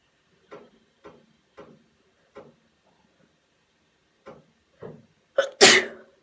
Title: four quick sneezes